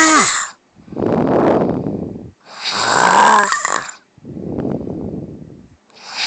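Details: Adult wife heavy snoring: loud alternating snores, a harsh rattling breath in and a rumbling breath out, about 18 cycles a minute.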